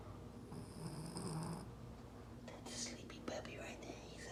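A low buzzing snore on one breath, followed by faint whispered talk and small room noises.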